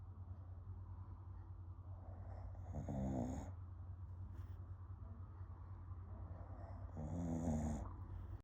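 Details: Sleeping female snoring with her eyes open: two soft, fluttering snores about four seconds apart over a steady low room hum; light snoring.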